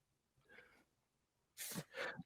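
A soft intake, then a sharp two-part explosive burst of air, fitting a single sneeze.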